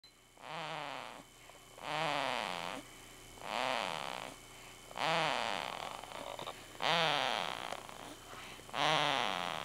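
Six drawn-out, rising-and-falling snorts with a whistly, tonal edge, roughly every 1.7 seconds, separated by quieter breaths: loud snoring during sleep.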